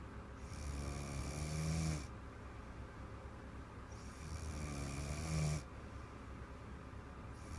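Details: Little girl asleep: loud, rattling snores on two long breaths, each with a harsh vibrating buzz, about 17 breaths a minute; heavy snoring.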